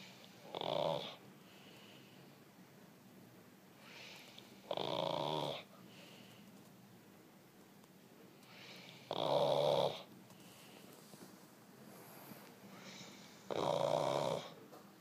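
Four regular, harsh snores, roughly fourteen per minute, with quieter breathing between them. Snoring during sleep.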